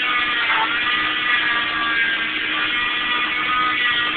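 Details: Cast removed from a broken thumb three weeks after a dirt bike crash: loud, steady high-pitched motor whine with a gritty buzzing edge as an oscillating cast saw cuts through the cast.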